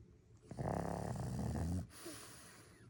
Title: Frenchie snoring #nap #frenchie #snoring